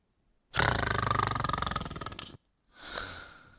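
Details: Simulated paramedic skit: a man who keeps falling asleep and was recently prescribed Ambien gives a long, rough, rattling snore followed by a softer breath out.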